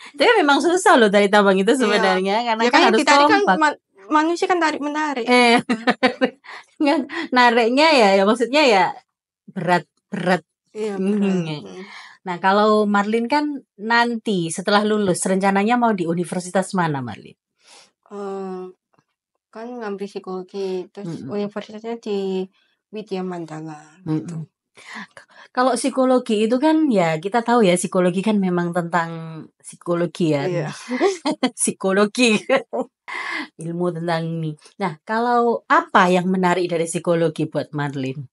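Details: Adult speakers in conversation; normal speech.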